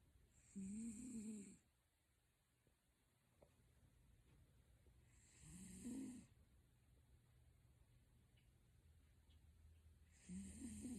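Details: 19-year-old cat snoring in sleep: soft, regular snoring, about 12 breaths a minute, each breath ending in a brief buzzing snore.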